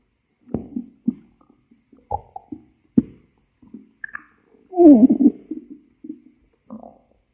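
Short low gurgles and bubbling squelches with one louder churning growl: ordinary stomach growling.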